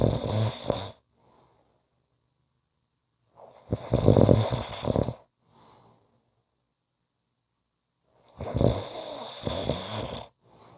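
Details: Heavy snoring: three loud, rattling inspiratory snores about every four seconds, with faint breathy exhalations between them.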